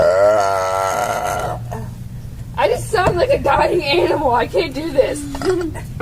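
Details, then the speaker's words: Girl forcing burps after drinking green milk: a long, loud, voiced belch followed by laughing talk; forced burp. "can you hear her she's belching that [ __ ]"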